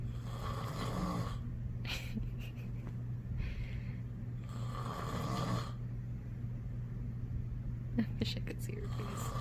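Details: Loud snoring from a sleeping father: two long rumbling snores several seconds apart over a constant low hum, with brief clicks and rustles.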